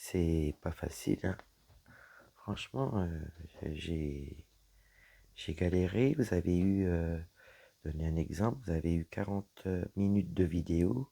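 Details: Woman with dysphonia after a serious health problem damaged her vocal cords; her voice is lower than before, at times weak, and she cannot speak loudly; low-pitched, creaky voice.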